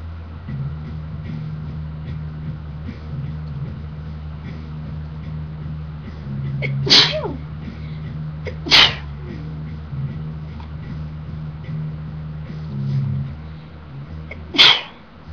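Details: A woman sneezing: three sharp, explosive sneezes over a steady low background hum.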